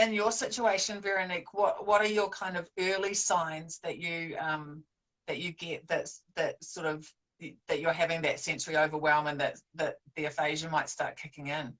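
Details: Adult woman speaking; no disorder (host).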